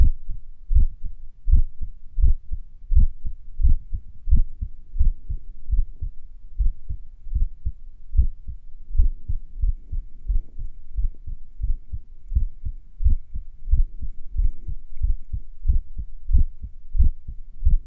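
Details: Own heartbeat a few minutes after finishing morning exercises: low thumps at about 88 a minute with pauses that lengthen and shorten; sinus arrhythmia during recovery.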